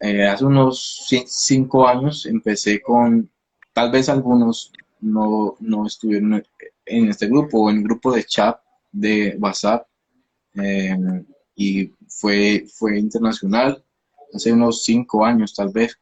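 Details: 29-year-old man, a speech-language pathologist who stutters; onset at age 13, linked to emotional upheaval around a hospitalization, with a genetic component since his father also stutters; stuttering.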